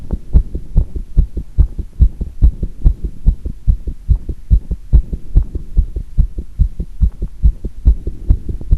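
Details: Heart sounds recorded with pressure against the chest after squats: fast, steady, deep thumping beats one right after another; the recorder notes a single irregular beat occurred; heart sounds after exercise.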